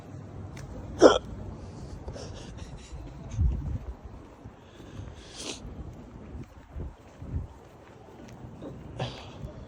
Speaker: Man, I got mad hiccups. Mad hiccups.